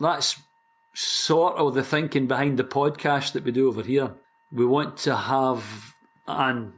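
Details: Lifelong stuttering (stammering) in a 60-year-old man from Scotland, which began around age four.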